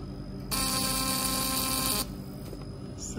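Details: Sealed-tube fractional CO2 skin-resurfacing laser, up to 60 W, in a preview firing demonstration: a loud, steady buzzing hiss lasting about a second and a half, then stopping.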